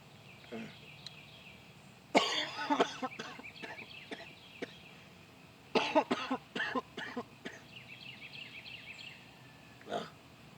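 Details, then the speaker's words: Scattered bursts of coughing and throat clearing in a quiet room from an adult man with a persistent cough lasting over a week, no fever or other symptoms, throat improving; cough. "I have never CED this much for for a separate body before never but yeah like what's weird is there was literally nothing else wrong with me besides that cough"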